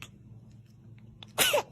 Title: Babies Sneezing Funny #14 Funny Babies Video #shorts